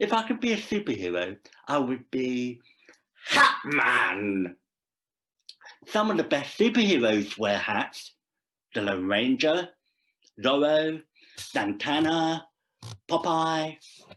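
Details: Deaf speech from a Deaf adult male actor performing a script about a deaf man who speaks.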